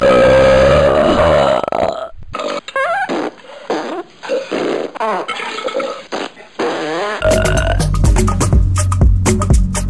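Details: Compiled comic burp sound effects: drawn-out, gurgling belches with music playing in the background.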